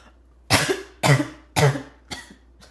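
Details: Choking barking cough: four harsh, barking coughs in quick succession with a choking quality, the last one weaker.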